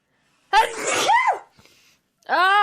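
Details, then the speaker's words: Single loud, voiced sneeze followed by a brief breath and the start of a vocal sound; the person apologizes, saying they usually mute; sneeze from a sneezing compilation. "Ugh. I have to sneeze. I'm so sorry. Usually I'm mute."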